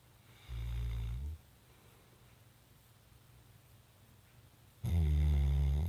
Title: started to snore after I stopped